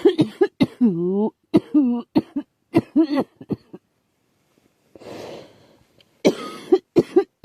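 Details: Girl who thinks she is getting a cold, with a scratchy, sore throat: short series of dry, voiced coughs with a breath between bouts; cough with an early common cold.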